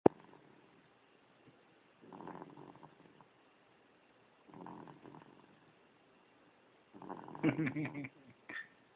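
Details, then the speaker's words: A young child, a great-nephew, snoring lightly: soft, rough breathing sounds recur every two to three seconds, with quiet pauses between. "Your little brother snoring, boy."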